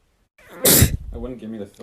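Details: A person's single loud, explosive sneeze after a quick intake of breath, followed by a short voiced sound.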